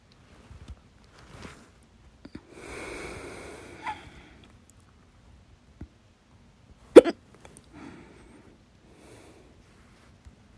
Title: 10/15/22, My Loud, Second Hiccups